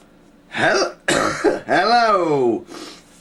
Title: Yay a really bad cough!